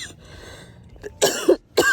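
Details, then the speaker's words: Two or three short, harsh cough bursts with a throat-clearing quality after quiet room noise, from a post-menopausal woman over 50 who has been coughing up blood this week and is under a doctor's care; adult cough. "I'm starting to cough again, so I'm going to end this one right here."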